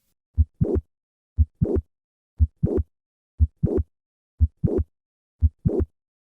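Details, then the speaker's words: Regular heartbeat about 59 a minute with a mid-systolic click and late systolic murmur, the click moving later in systole on squatting (larger left ventricle) versus standing; mitral valve prolapse with primary mitral regurgitation. "s like squatting that increase left ventricular size at the start of systole cause the click to move later however maneuvers like standing that decrease ventricular size at the start of systole caused the click to move earlier"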